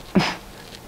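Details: 15-year-old boy with Tourette syndrome, diagnosed around age 6, with both vocal and motor tics, producing a throat noise that is one of his main vocal tics; vocal tic (throat noise).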